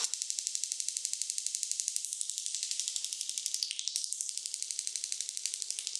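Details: Extracorporeal shockwave therapy on the right lower back for reported pain at a medical spa, at a faster setting. Rapid, regular ticking pulses at about 240 per minute from the shockwave device.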